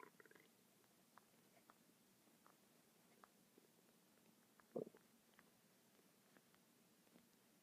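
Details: Person's own stomach rumbling: quiet, irregular gurgles and small pops from the belly with one louder gurgle near the end, ordinary bowel sounds (borborygmi).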